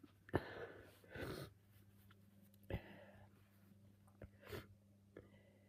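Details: Wet, messy uncovered sneezes with a cold after sneezing all day: two or three quick explosive sneezes, each with a sharp intake before it and a moist, spluttering release, in a quiet room.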